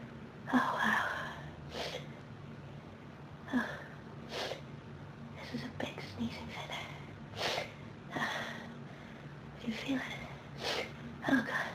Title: Dusty Sneezing fit